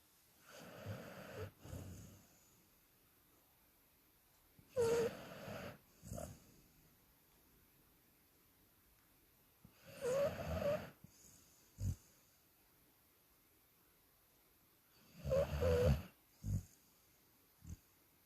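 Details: Sleeping dog snoring: loud, rattling snores with short snorts, about 12 breaths a minute with quiet gaps between; snoring.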